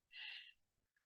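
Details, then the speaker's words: Patient with laryngomalacia, arytenoid collapse obstructing the glottis, producing a single harsh, high-pitched crowing sound on breathing in: inspiratory stridor (laryngomalacia). "Entonces cuando el paciente toma aire produce estridor Esto no es CR esto es una laringomalacia"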